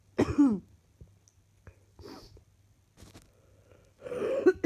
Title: Another set of clips from today's coughing